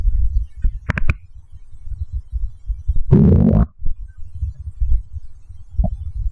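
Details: Low rumbling with a loud, drawn-out gurgling growl midway: stomach growling after drinking about a can of Coke.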